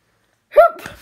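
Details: Mimicked hiccup: a single short voiced 'hup' in silence, acted out as hiccups rather than a real one.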